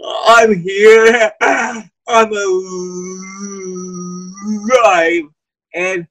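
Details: Dysarthria in a person with cerebral palsy who uses a wheelchair.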